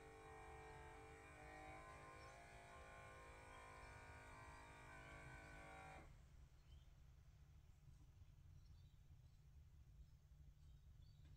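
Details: Omron home blood pressure monitor used for comparison with a Samsung Galaxy Watch 4: a steady whining pump inflates the cuff for about six seconds, then stops, leaving quiet background as it deflates; Omron read 125/85.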